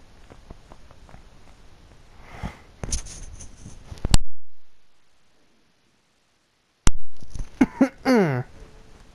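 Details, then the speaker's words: A single loud, sharp cough from a gamer during a racing game session, heard over background game sound with a quiet pause after; called a significant cough. "I just significantly coughed. That was like, that probably roused the dead. Significant cough."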